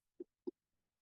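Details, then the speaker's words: Two brief soft dull slaps as a piglet lung specimen is jiggled by hand at veterinary pathology lab: dry sound of normal healthy lung tissue, felt for crepitus. "kind of a dry sound. A normal healthy lung should be fairly dry."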